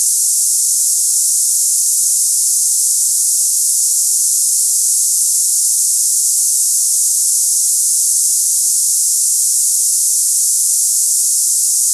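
Continuous high-pitched hiss with no variation; a simulation of cicada-like hissing tinnitus.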